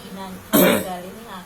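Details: Older man with coughing and trouble sleeping, described before taking a supplement: a single short, harsh cough burst set between faint voiced sounds.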